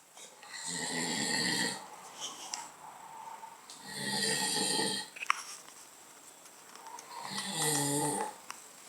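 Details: Adult man (father) caught snoring while asleep though he denies snoring: three loud, buzzing snores at a slow, steady breathing rhythm of about 19 a minute, with quieter breathing between.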